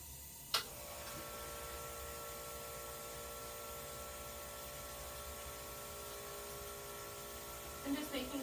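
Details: A click, then a steady mechanical hum with a constant whine: a suction machine switched on and running, connected to a 14 French nasogastric tube after insertion and x-ray confirmation, set within a 60 to 80 range, in a nursing skills demonstration.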